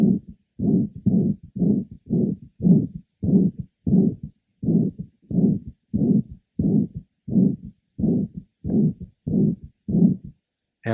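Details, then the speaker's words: 65-year-old physician with moderately severe mitral regurgitation from a ruptured chordae tendineae, previously mitral valve prolapse, with atrial fibrillation, heard at the apex: irregular heart sounds, each filled by a long blowing holosystolic murmur. "our next patient is a 65y old physician he has a holosystolic merma of mitro regurgitation"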